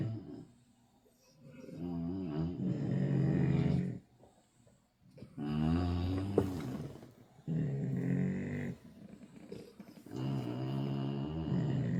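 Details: English bulldogs sleeping with full bellies on a cold night: about four long, loud, rumbling snores, each drawn out over a breath, with short quiet gaps between them.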